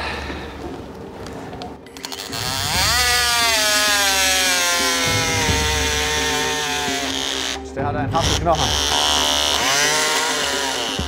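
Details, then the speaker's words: Surgical bone saw during right total hip replacement in a 42-year-old man with congenital hip dysplasia: loud high-pitched whine that bogs down and drops in pitch under load, with a brief break, cutting extremely hard bone. "Die Sägeschnitte bei Herrn Hahn waren besonders schwierig, weil er wirklich gerade an der Stelle, wo wir sägen müssen, einen extrem harten Knochen hat. Und das Sägeblatt war wirklich überfordert."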